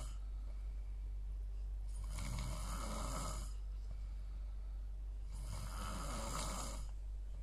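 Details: Two loud, rough inhaled snores roughly 3 to 4 seconds apart, about 17 breaths a minute, over a steady low room hum, snoring hard enough to dry the throat: heavy snoring.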